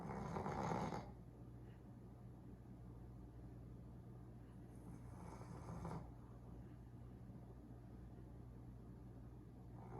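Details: Sleeping Boston Terrier puppies snoring loudly, like a chainsaw: loud, low, rattling snores on inspiration, about 12 a minute, over steady room noise.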